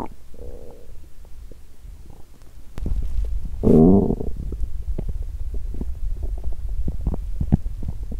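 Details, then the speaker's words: Loud gurgling and rumbling bowel sounds over a low, bubbling background from the belly of a slim person who exercised on an empty stomach; hunger borborygmi. "Tôi đói vì tôi tập thể dục khi bụng đói 😫 " Tôi không dừng lại!". Bụng tôi muốn ăn sớm 😂"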